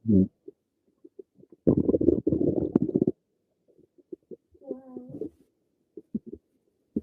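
Irregular gurgles and pops with a longer rumbling burst and a brief squeaky gurgle; normal stomach rumbling.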